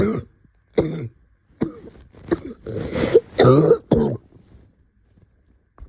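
Series of about seven short coughs, the later ones longer and harsher, in a quiet room; an adult's cough with COVID-19.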